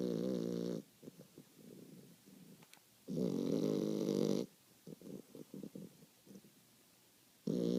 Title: My beautiful snore-er.